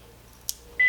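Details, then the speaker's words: Philips OnSite AED trainer in a training demonstration, after analysis: a brief click, then a steady high electronic tone, the shock-advised alert before the stay-clear prompt. "advised stay clear of patient press the flashing orange button now"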